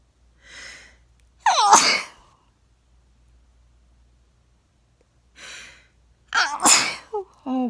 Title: I’m back to sneeze